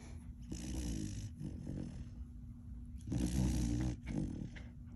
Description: Three month old Jesse, the megaesophagus puppy at the Funny Farm Rescue & Sanctuary in Mays Landing is so tired after visiting day, that he just can’t stop snoring!